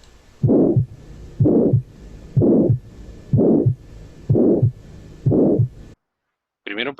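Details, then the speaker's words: Teaching exercise on identifying a murmur, judged an insufficiency murmur from valves not closing: regular beats about 62 a minute, loud blowing whoosh between heart sounds; regurgitant murmur. "mí a mí me suena como un sonido df no y df es insuficiencia y si es insuficiencia quiere decir que hay válvulas que no que no cerraron bien no cerraron bien"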